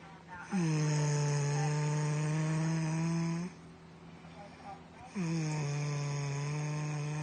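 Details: Two long, loud, deep-pitched snores of about three seconds each, with a steady droning tone, from a sleeper on an airplane over constant cabin hum: snoring.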